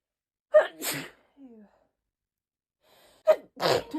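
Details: Girl sneezing: two sneezes, each a sharp gasping intake followed by a burst, with a soft sound between them; ordinary sneezing.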